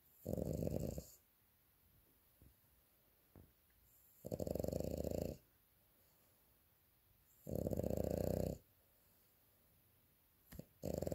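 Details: French bulldog snoring loudly during an afternoon nap: rattling snores every 3–4 seconds, about 16–18 a minute, with quiet pauses; snoring in a sleeping dog.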